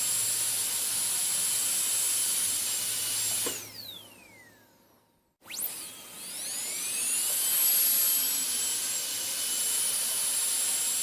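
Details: Dental drill recording switched on and off, made as ASMR sleep sounds: a high-pitched whine winds down to silence, then spins back up to full speed.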